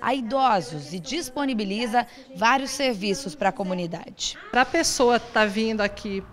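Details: Adult woman speaking Brazilian Portuguese; Normal adult speech.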